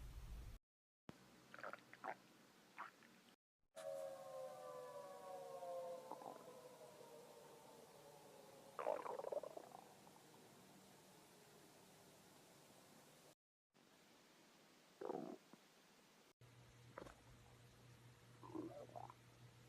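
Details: A woman's stomach, caught by accident while filming, growls from hunger with low gurgling and long whining, sliding rumbles, with brief cuts between sections; ordinary hunger growling.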